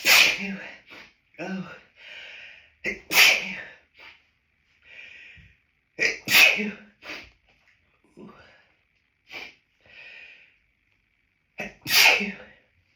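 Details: Adult hiding in a toilet cubicle after stifling sneezes at an outdoor lunch on a high-pollen day, nose feeling stuffed with pollen; about four loud sneezes with sharp breaths between; repeated hay fever sneezing.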